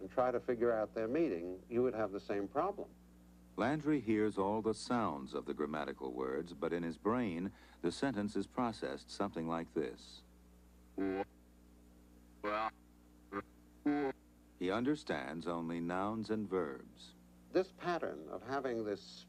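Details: Adult male narrator; no disorder (normal speech).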